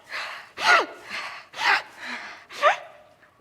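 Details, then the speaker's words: Imitated labored breathing with three loud, harsh, whistling inspiratory gasps mimicking a young asthma patient swimming, diagnosed with vocal cord dysfunction (inducible laryngeal obstruction) despite normal exam and pulmonary function tests. "she's having a lot of difficulty when she's breathing in um and so she basically sounds like this"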